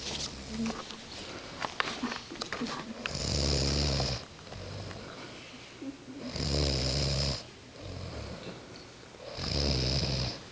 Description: Mother and daughter caught on tape snoring in sync at camping trip. Mother is first than daughter.